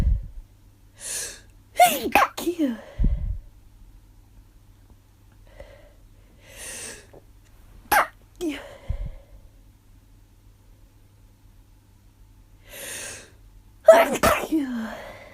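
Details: Person with suspected allergies who woke with a sore throat and headache, thinking it may be something more, sneezing tiredly: three sneezes, each with a quick breath in then a sharp burst of air, with gasping breaths between.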